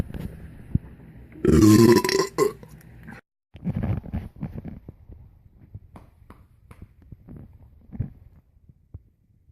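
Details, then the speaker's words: One long, loud, voiced belch, then quieter gurgling and small throat sounds; ordinary burping. "Yep, that one I felt the fume. I think fume is the right smell. You know, I caught a whiff of the fume. That smelled like donuts, Slim Jim, and vanilla Coke."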